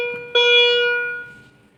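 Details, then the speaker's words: Defibrillator shock delivery tone: a single clear ringing electronic tone fading over about a second as a manual defibrillator delivers a test shock via paddles during a demonstration. "তো শক দেওয়া হয়ে গেল।"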